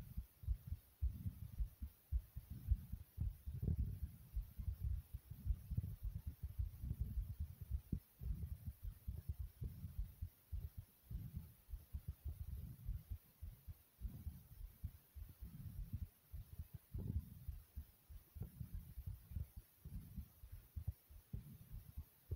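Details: Strong, quick thumping heartbeat at about 107 a minute, with breathing noise, recorded from the chest after jumping jacks.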